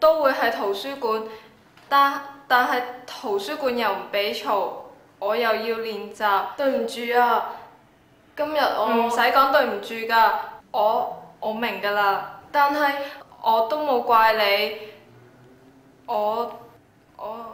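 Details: Acted drama: schoolgirl who has stuttered since birth reads her essay aloud with sound and word repetitions; stuttering.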